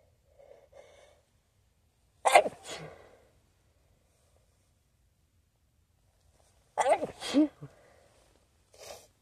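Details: Staged scenario of sneezing into a new feather pillow the nose seems to react to: two forceful sneezes, each preceded by a quick catching in-breath, in a quiet room.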